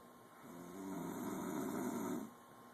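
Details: A single low, rattling snore lasting about two seconds against quiet room noise; snoring.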